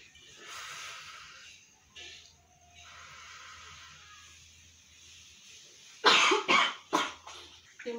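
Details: Simulated demonstration by a nursing student of the effective cough technique for clearing phlegm: quiet breathing in and out three times, then a burst of about four strong deliberate coughs.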